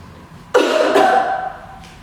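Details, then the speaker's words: Huff (forced expiration) in the active cycle breathing technique for clearing chest secretions during a winter cold: relaxed seated position, deep breath in, then one strong breathy open-throat huff out to move secretions up for coughing. "and then should you feel like we've got secretions ready to cough up my nice deep breath in and a strong Hoff out"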